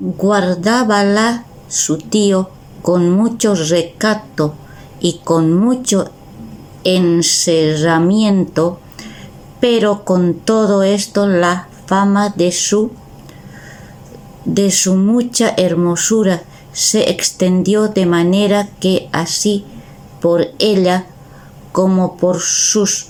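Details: Person with aphasia reading a Spanish literary text aloud in a recorded reading; repeated word attempts; finding: aphasia.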